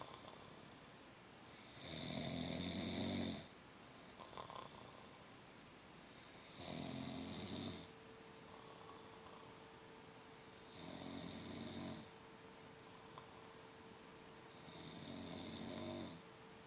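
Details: Companion fell asleep beside someone trying to study: loud, rough snores recur about every four seconds, roughly 14 breaths a minute, with quiet exhalations between and a faint background hum; snoring.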